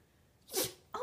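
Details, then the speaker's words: A Yorkie with suspected allergies sneezing repeatedly: one short, sharp nasal sneeze, with a second beginning at the very end. "i don't understand it that's crazy sneezing oh here it comes what's that sneezy oh i know i don't know why you're sneezing so much you got the allergies"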